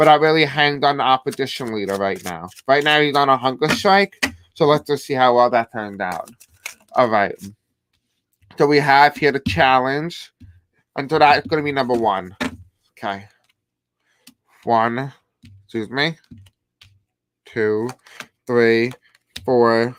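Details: Deaf speech (deaf accent) in a man who says he has a deaf accent and may have a hard time pronouncing certain words; deaf speech (deaf accent)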